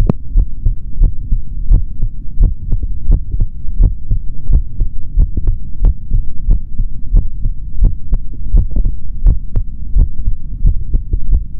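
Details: Normal heart sounds of a male, heard through a stethoscope in an ASMR recording with no talking: steady low thumping, about 87 beats a minute, over a constant low hum.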